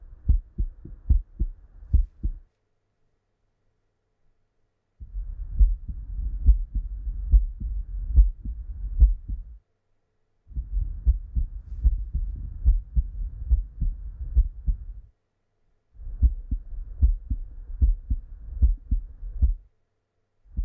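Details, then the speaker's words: Stethoscope heart sounds in a young adult man during a cardiovascular examination: regular rhythm about 70–75 a minute, first and second heart sounds present, no added sounds; normal cardiovascular examination. "heart sounds one and two were present with no added sounds and breath sounds were normal"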